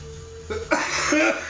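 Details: Adult coughing after inhaling a honey oil dab: cough, cough.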